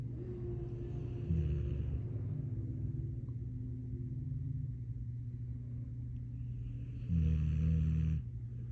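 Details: Puppy snoring while asleep: low rumbling snores in two long bursts over a steady low background hum.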